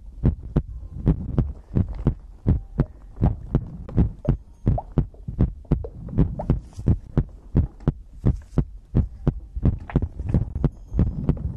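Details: ASMR heartbeat-and-breathing compilation recording: steady paired low heartbeat thumps at about 85 a minute with a faint hum behind; regular, normal heartbeat.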